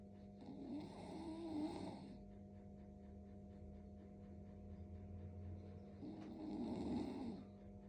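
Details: Two soft, rasping breaths about five seconds apart over a low room hum from a pet Indian ringneck parrot; bird snoring.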